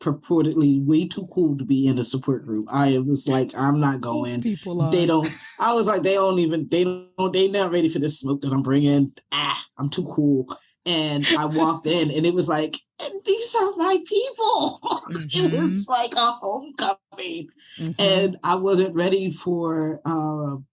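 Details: Aphasia with apraxia in a woman, caused by stroke; real stroke survivor.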